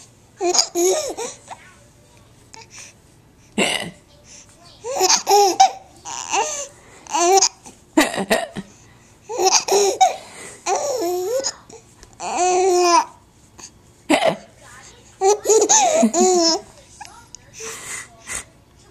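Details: Young child laughing while having hiccups, recorded May 2012 on a Flip Video camera: laughter and babbling interrupted by sudden short catches; hiccups.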